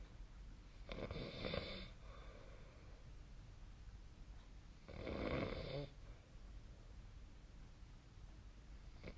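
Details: Snoring during sleep, recorded with the SnoreLab snoring app.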